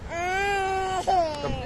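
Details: A baby cries in two sustained wails, a long steady one followed by a shorter rising one.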